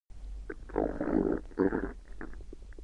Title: 111208 01 Stomach 23 SOUND Effect